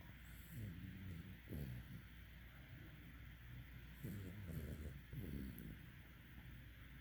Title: Puppy snores 2019